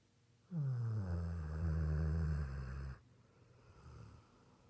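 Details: Single loud, low, rumbling snore lasting about 2.5 seconds, then quieter breathing, from a sleeping golden retriever: snoring.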